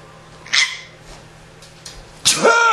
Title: fake sneezing = giggles